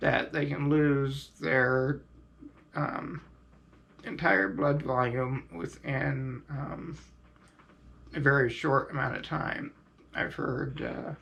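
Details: Adult man, quadriplegic from high-level spinal cord injury, on ventilator and diaphragm pacemaker via tracheostomy button; devices irritate his throat and prolonged speaking is difficult; ventilator-dependent tracheostomy speech.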